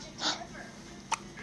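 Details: Newborn girl under 1 month old with hiccups: a soft breathy sound, then a single sharp, clicking hiccup.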